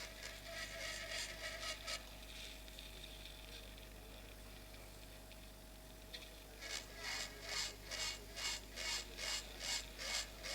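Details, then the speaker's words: Temporal bone dissection, drilling bone at the vertical facial nerve segment toward the styloid through peripheral air cells. After a quieter pause, high-pitched grinding drill noise in rhythmic strokes at about 140 a minute; otologic drill on temporal bone. "So this is level of my facial nerve vertical segment and I will drill all this bone to expose it till the styloid for these are the peripheral air cells."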